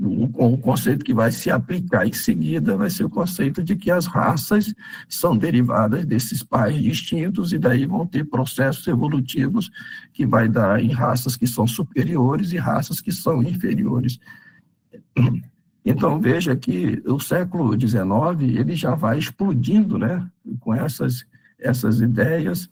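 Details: Spasmodic dysphonia in a man treated with toxin injections; the last dose is wearing off about 3–4 months after application, and he reports his voice is worse than before; the next injection is due in early July.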